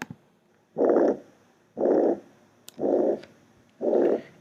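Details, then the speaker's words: Even blowing murmur filling all of systole at about 60 a minute in rheumatic fever carditis; holosystolic murmur of mitral regurgitation. "de manera que la insuficiencia mitral se escucha como un soplo o lo sistólico y lo vamos a escuchar"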